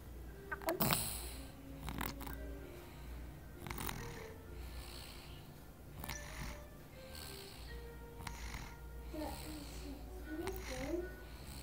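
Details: Snoring: repeated snorting, rattling breaths about every two seconds, with some whistly sounds over a steady background hum.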